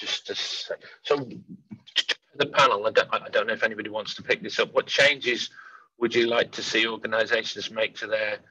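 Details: Real stammering in an adult man who says he stammers and stammers openly; stammering.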